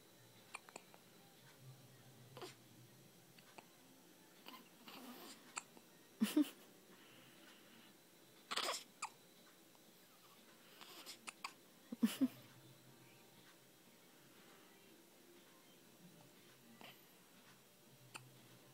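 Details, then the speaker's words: Baby having hiccups: soft, abrupt catching sounds every few seconds. "Sure, I have hiccups, Mommy."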